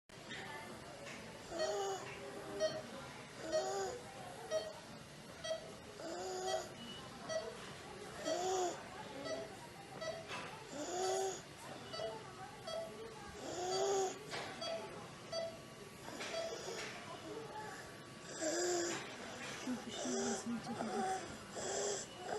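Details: Educational example of stridor and wheezing in a child: noisy breathing with repeated high-pitched musical sounds on each breath.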